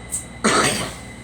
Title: Girl coughing